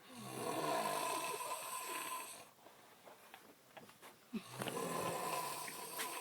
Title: Snoring in the tent part2